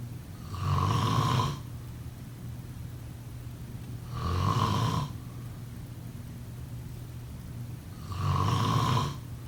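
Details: Three loud, rattling inspiratory snores, about 16 a minute, with quiet breathing out between: typical snoring during sleep.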